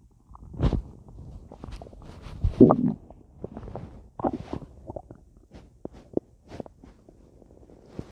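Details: Active bowel sounds (borborygmi) from a full abdomen after a large meal with a drink, much gas in the belly: irregular gurgling and bubbling sounds.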